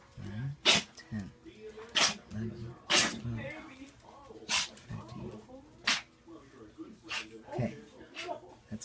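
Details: Buck sneezing: a run of about seven sharp, explosive sneezes over nine seconds, with snuffling and sniffing between them.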